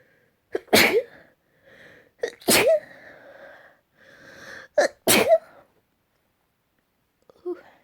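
Three sneezes in a row, each with a quick sharp intake of breath and a voiced burst; ordinary sneezing.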